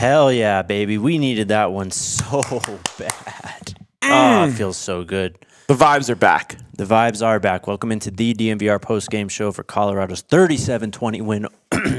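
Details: Adult male speaker; normal speech.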